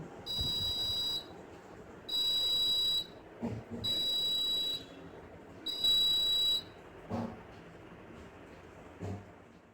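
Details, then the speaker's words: Arduino ultrasonic proximity sensor on a prototype dentist's smart chair, buzzer beeping when nothing is within 15 cm: repeated shrill electronic beeps about one second each, with short gaps and faint room noise. "when I turn on this microcontroller board, the buzzer will start beeping as there is nothing in the range of 15 centimeters, and when I bring my hand in the range of 15 centimeters or closer to it, the buzzer stops beeping"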